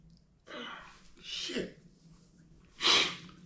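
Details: Adult with a head cold: a sniff, a sharp indrawn breath, then a loud hissing sneeze burst.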